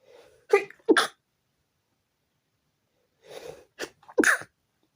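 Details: Sneezing fit at 4 a.m. preventing sleep: two pairs of sharp sneezes, each led by a quick breath in, with a pause between.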